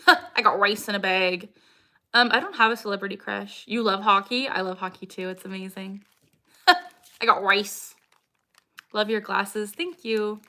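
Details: Vocal tics from Tourette syndrome in a 26-year-old woman, diagnosed at 12 with tics since about age 3. Repeated phrase tics are heard, and she says her tics are very active today.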